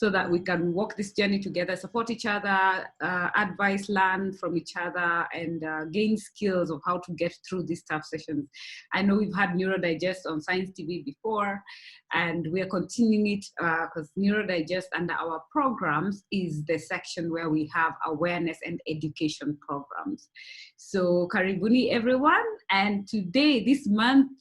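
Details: Adult woman speaking; ordinary speech.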